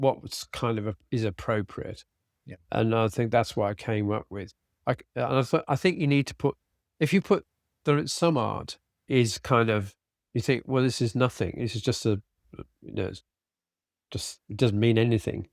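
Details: Adult man with aphasia after a sudden stroke, treated with speech and language therapy and flashcard vocabulary work; still has word-finding difficulty, cannot read a script, and tires as the day goes on; aphasia.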